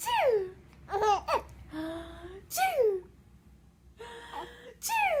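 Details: Mother's sneezing fit: three loud, voiced adult sneezes in a row, with a 5-month-old infant giggling and babbling between them.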